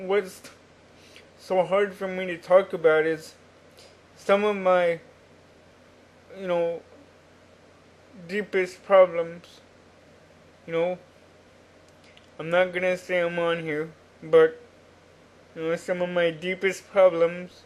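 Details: Adult man with cerebral palsy since birth, attributed to oxygen deprivation in the womb, wheelchair user, cognitively typical by his account; dysarthric speech in cerebral palsy.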